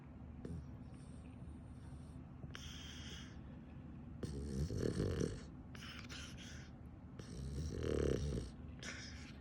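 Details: Boston Terrier dog snoring while sleeping upside down: low rattling snores with snorting inhalations against steady background hum.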